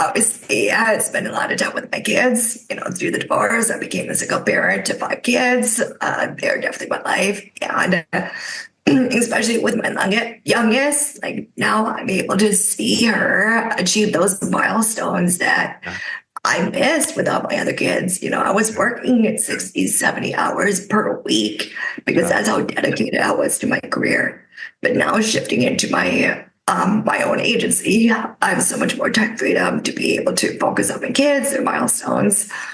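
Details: Adult woman with spasmodic dysphonia caused by neck trauma about 5 years ago, voiceless for about 2 years, treated with neck Botox injections that help but do not cure; spasmodic dysphonia.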